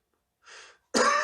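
A soft breathy exhalation followed by the abrupt, loud onset of a single cough from an adult.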